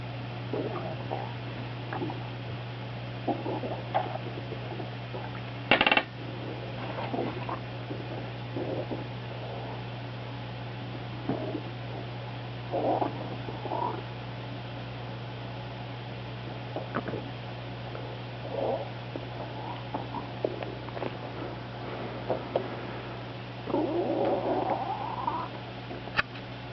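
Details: Frequent gurgling and rumbling from a dog's belly: hyperactive bowel sounds (borborygmi) in a dog with SIBO and/or EPI; the owner is unsure which causes them. A chair squeak is also audible.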